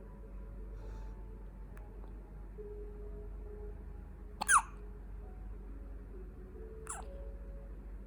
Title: 2 weeks old Baby Hiccup